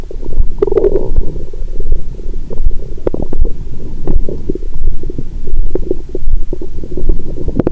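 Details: Active bowel sounds through a stethoscope on a woman's abdomen after a large Christmas dinner with wine following a 22-hour fast: continuous low gurgling and rumbling.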